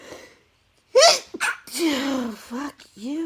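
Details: Loud, high-voiced sneeze burst followed by vocal sounds and angry exclamations; an adult sneezing repeatedly while eating pizza, tipsy.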